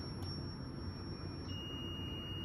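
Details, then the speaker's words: High steady tone stepping lower partway through over room rumble: a Zoll defibrillator charging to 30 joules in defibrillator mode with CPR pads attached during a user test. "you're going to proceed to press energy select down until you get to 30 joules at this point you're going to hit charge"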